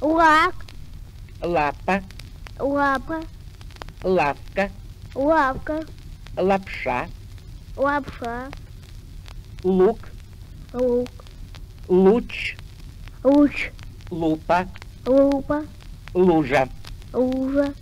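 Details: Russian repeat-after-me words with 'l' from a 1959 medical gramophone record on dyslalia in children and adults, demonstrating a frequently occurring 'l' pronunciation disorder; lambdacism (l-sound substitution).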